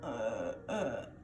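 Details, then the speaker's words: An adult imitates newborn expiratory grunting during a newborn assessment demonstration on a baby doll: two short, voiced grunts, a sign of respiratory distress. "that would be what we'd call grunting, and that is not normal. That would be a sign of respiratory distress."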